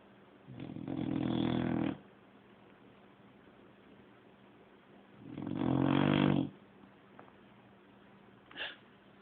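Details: Lola asleep, with a mild episode (said to get much worse): two long, rumbling snores about four seconds apart, quiet in between; snoring.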